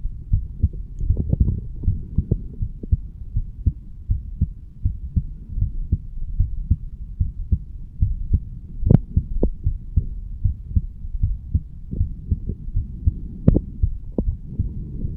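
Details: 35-year-old male, standing, recorded over the bicuspid (mitral) valve area: steady, regular low heart thumps with a faint hum and occasional handling knocks.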